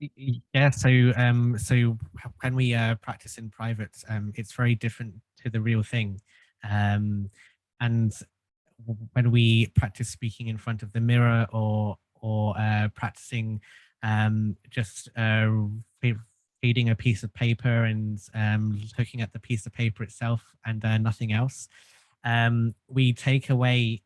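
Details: Stuttering in an adult who has stuttered since childhood and found group speech therapy helpful.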